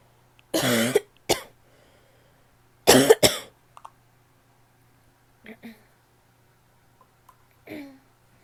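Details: Female with a barky cough: two pairs of harsh, loud coughs with a hoarse, barky quality, followed by softer throat sounds.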